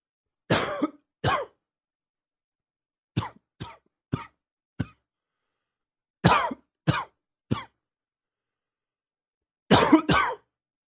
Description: A little morning cough....just getting my lungs to wake up :)